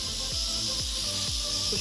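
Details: Steady airy hiss of oxygen flowing from a fitting of a JY-105W home portable oxygen concentrator during setup, with a low machine hum and faint clicks underneath.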